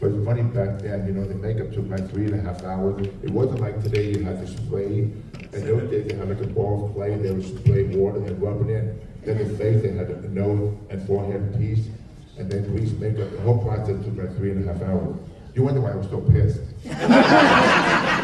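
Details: Adult man with profound hearing loss since childhood and a childhood speech impediment, trained in phonetics, who wore two hearing aids and received a cochlear implant about 3.5 years ago; deaf speech (speech of profound hearing loss).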